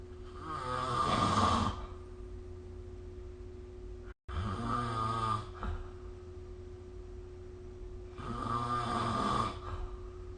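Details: Loud, rattling snores on each breath in, three in about ten seconds with quiet pauses between, from a sleeping adult, recorded with the SnoreLab app; snoring.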